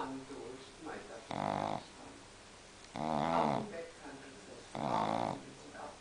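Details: Loud, rough, snorting snores about every two seconds with softer wheezy sounds between them from a sleeping pug dog; snoring in a flat-faced breed.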